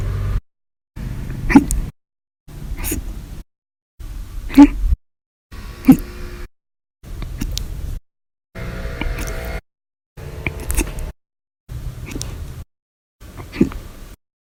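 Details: Brief sharp catches about every one to two seconds separated by silence, audio only; recurring hiccups.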